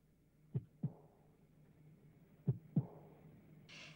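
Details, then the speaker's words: Reconstruction of Hitler's heartbeat, described as an abnormal beat of syphilitic heart disease with aortic aneurysm and a changed second sound: two slow lub-dub beats with a firm, loud, accentuated second heart sound. "így hangzott hitler szívverése sajátos rendellenes dobogás amely szifiliszes szívbetegséget jelez jól kivehető szívhanggal járt amelyet csak a white fülű orvos hal ki morel meghallotta hogy megváltozott a második szívhang"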